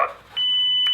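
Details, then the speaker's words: ZOLL AED Plus training demonstration on a simulated patient after analysis, shock advised: steady high-pitched continuous warning tone for everyone to stand clear before the shock is delivered. "I'm going to stand clear make sure everybody's standing clear and just literally not analyzing shock advised"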